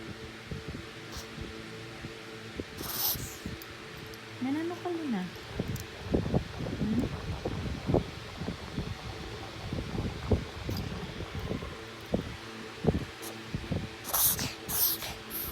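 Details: Reverse sneezing in a Shih Tzu with a short nose, occurring since 4 months old, up to twice a day. Irregular, noisy nasal snorting. After X-ray, blood test and exam, the vet called it normal for the breed.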